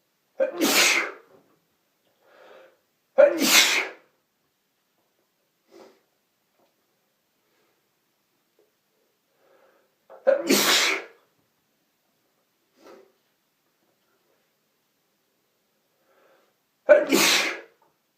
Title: Violent Sneezes With Noseblowing (M)